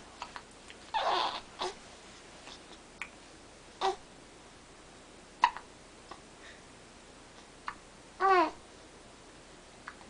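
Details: Serious hiccups in an infant girl wearing a duck outfit: short, abrupt vocal catches every couple of seconds between soft babble and breathing.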